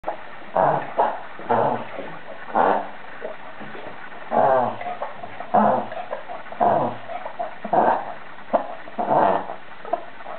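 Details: A dog with reverse sneezing, later recognised by the vet from this video: repeated loud, harsh snorting inhalations about one per second, resembling hard snoring, from spasm after irritation of the pharyngeal mucosa above the soft palate.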